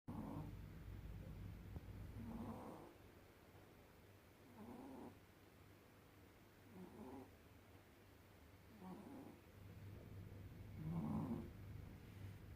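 Soft, regular snuffling snores about every two seconds, roughly six in all, with faint room hum; a sleeping cat snoring.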